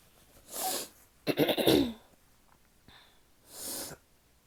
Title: sneezing, and some nose blowing (f)